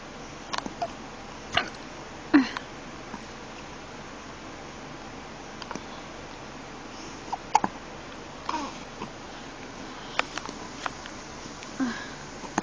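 Small, soft, repeated catches every second or two in a quiet room, fitting infant hiccups.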